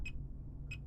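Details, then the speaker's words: Fingertip pulse oximeter giving two short beeps about 0.6 seconds apart, near 100 per minute, over low room hum; fast heart rate after recent activity, measured alongside a Realme Watch 5 smartwatch for comparison. "let's have the checking or have let's have a simultaneous monitoring of our heart rate with a fingertip pulse oximter."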